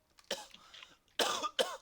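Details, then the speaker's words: Coughing fit during video game play: three harsh, forceful cough bursts in quick succession, part of an ongoing fit that the cougher describes as almost dying from a cough. "That is the definition of almost dying from a cough. That's the definition of what it sounds like to 12 packs of cigarettes."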